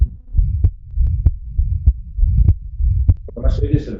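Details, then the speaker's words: Digital stethoscope recording of a well-functioning prosthetic aortic valve with mild regurgitation: sharp, crisp clicks at about 98/min, prosthetic closure loudest, with a soft, non-intense murmur. "Esta es una prótesis valvular aórtica. Entonces, aquí tenemos, esta es la sístole y aquí tenemos el cierre de la válvula, ¿no? Fijaros cómo se oye. Lo que más se oye es el cierre de la propisis."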